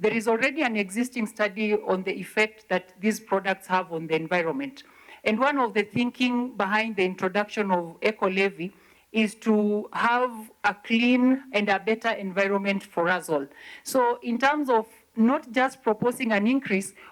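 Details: Adult woman speaking; normal speech.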